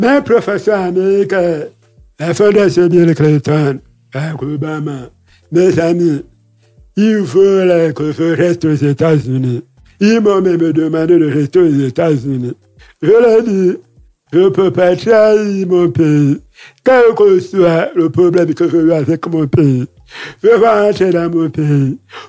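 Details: Man with hearing loss from a childhood illness, lip-reads; he says his voice is not normal because of that illness; real French speech; deaf speech.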